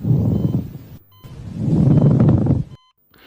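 Coarse, creaking, grating low-pitched sound with each breath phase, typical of a pleural friction rub.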